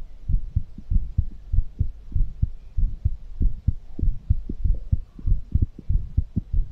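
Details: ASMR recording of a fast heartbeat after exercise: rapid, regular low heart thumps in quick succession, a normal fast heartbeat after exertion.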